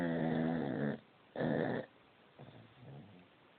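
Two loud, rumbling, buzzing snores, each about a second long, followed by softer noisy breaths, in a quiet room.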